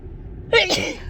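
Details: Woman sneezing repeatedly on the commute home, triggered by dust in her car, with tickling nose, watering eyes and runny nose: a single sharp, voiced sneeze after a brief quiet lead-in.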